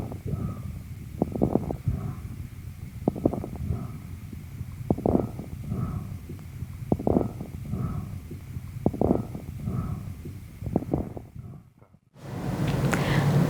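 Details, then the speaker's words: Paediatric auscultation over the affected lung area in pneumonia: rapid breathing through a stethoscope with bursts of crackles in each breath. "При подозрении на пневмонию требуется проведение рентгенографии грудной клетки. Давайте прослушаем аускультативную картину над поражённым участком при пневмонии."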